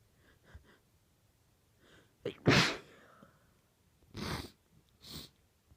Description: 18 f, sneezing into an old T-shirt, trying to be quiet. There were other people in the house. They were pretty powerful though, so it was hard to keep them quiet!